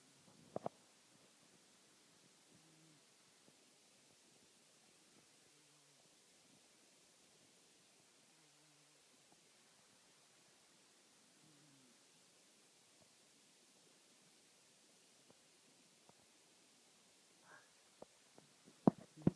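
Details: A sleeping fat cat snores in a quiet room, with soft, low rumbling snores at about 20 breaths a minute.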